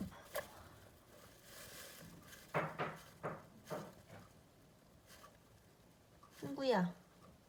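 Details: Several short, soft, sharp puffing coughs ("ppuk ppuk") from a pet hamster that had caught a cold and later recovered, with a woman's quiet voice nearby; hamster cough.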